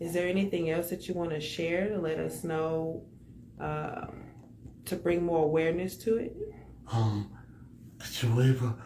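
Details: Adult speaker; ordinary speech.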